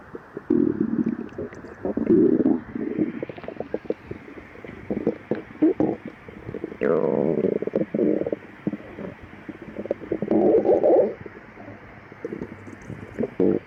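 Loud gurgling, rumbling bursts from an empty stomach, with one rising squeal; ordinary bowel sounds of hunger.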